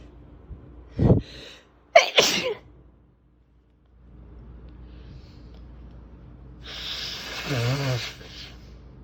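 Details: Two loud, explosive sneezes in a row, the second with a sharp inhaled build-up, then quieter breathing and a soft vocal sound, with fan noise in the background; big desperate sneezes.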